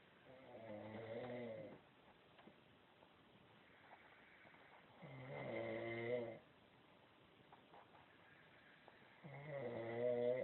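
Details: Woman (sister) snoring very loudly in bed: three long, low rumbling inspiratory snores, about 14 a minute, with quiet breathing between.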